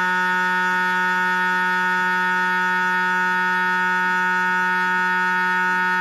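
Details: MRI scanner noise recorded inside the scan room of a GE 1.5T or 3T MRI system running a sequence: steady loud tonal buzzing with a fast repeating pulse, about 95 per minute.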